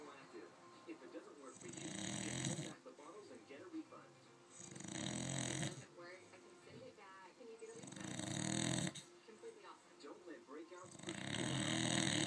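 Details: Snoring in bed: four loud, rattling snores in about 12 seconds, roughly 20 a minute, with softer whistling noise between them.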